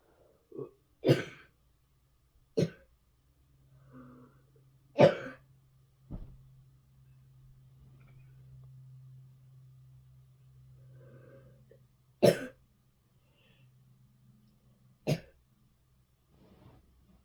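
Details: About six harsh, separate coughs in bed spread over seventeen seconds, with a low steady hum in the room between them: cough.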